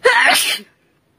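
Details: Sneezing challenge comedy clip: a single loud, explosive sneeze lasting under a second; ordinary sneeze.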